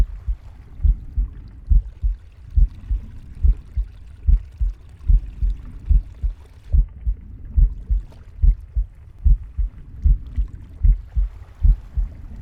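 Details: Normal heartbeat: regular low thumps at about 72 per minute, with a soft breathing hiss behind them.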